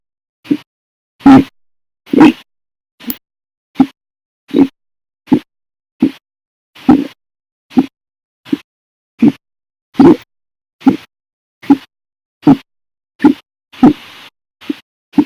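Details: Ongoing bout of hiccups: about nineteen sharp hiccups in fifteen seconds, near 72 a minute, some violent and loud, others quiet, at an irregular pace.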